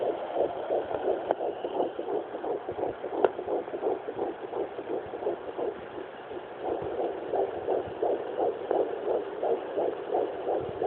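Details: Rapid, regular whooshing pulses around 170 a minute over steady hiss: twin fetal heartbeats at 10 weeks 3 days, found with difficulty using a Sonoline B home fetal Doppler near the mother's pelvic bone; fetal heart tones.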